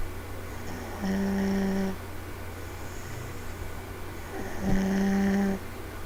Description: sitting on couch with my two year old and she is fast asleep on me =) Then she starts sawing logs lol!